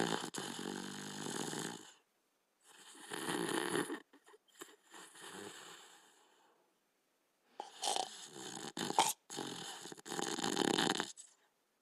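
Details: Sleeping Border Collie dog: raspy, drawn-out snoring breaths with short pauses and snorts; ordinary sleep snoring.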